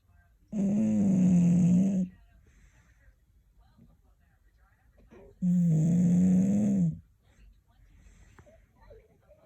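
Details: Snoring: two loud, long, buzzing inspiratory snores, each about one and a half seconds, with quiet breathing between them.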